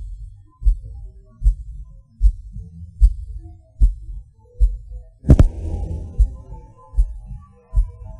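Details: Recording of own heartbeat with PVCs/PACs: low thumps near 76 a minute, uneven spacing, a pause and an extra forceful beat, felt as a falling sensation; irregular heartbeat with premature beats.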